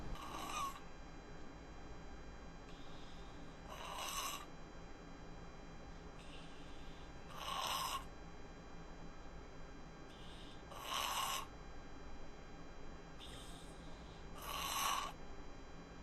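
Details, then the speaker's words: Slow, rattling, gurgling breaths about 17 a minute from a dying woman at end of life, with changed breathing pattern; terminal respiratory secretions (death rattle), described as normal while family moistens her lips. "As you could hear in the video, you could hear some terminal secretions there. All very normal."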